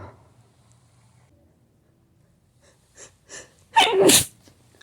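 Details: Hay fever sneeze after smelling a flower: two short catching inbreaths, then one loud explosive sneeze.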